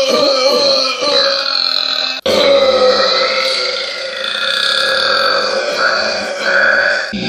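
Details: Burping: two loud, drawn-out, rumbling belches with a brief break between them, from a burp compilation.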